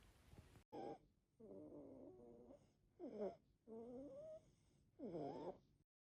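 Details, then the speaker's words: Harsh, high-pitched crowing on each breath in, with quieter breaths between: inspiratory stridor in a child with croup, a usually viral respiratory illness with barking cough, fever and difficulty breathing. "other term that you hear a lot with croup is stridor, and that is an inspiratory, or when they breathe in, loud, high-pitched sound."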